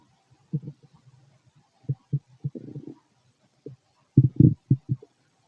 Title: Male stomach noise, digesting food. Guess what's inside?